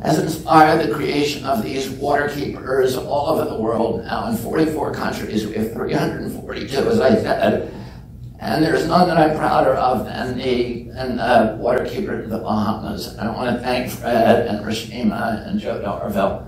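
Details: Man with spasmodic dysphonia (spasmodic dystonia) since age 42, after a previously strong voice; voice trembles, the tremble lessens or goes away after speaking a while; not painful.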